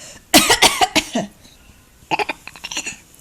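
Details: Young child says she has a "bad cough" and gives two runs of quick, dry, forced coughs, the second softer; an imitated, put-on cough.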